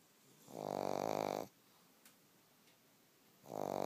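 Loud, buzzing, rattly snores about a second long, about three seconds apart, in a quiet room. Snoring in a sleeping dog.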